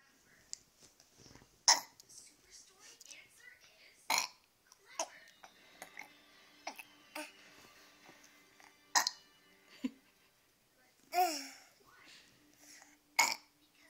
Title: 2 year old girl burping on demand